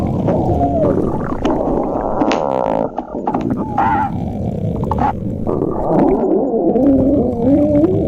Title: Splendid stomach growling 2